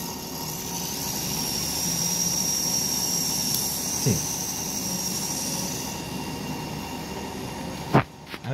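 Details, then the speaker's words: Steady high-pitched drill whine over room noise, then a few knocks, as an implant drill prepares a pterygoid implant osteotomy in an STL model jaw, on a physiodispenser at 35-40 Ncm torque with speed reduced from 1100. "Actually it is soft, so I have reduced my speed. So now again I'll do drilling."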